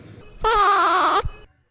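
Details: Expiratory grunting sound from a recorded teaching session on respiratory examination.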